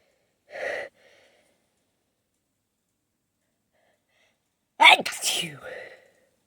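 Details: Person holding back sneezes: a brief stifled burst, then after a pause a sharp explosive sneeze with a trailing voiced sound; suppressed and full sneezes.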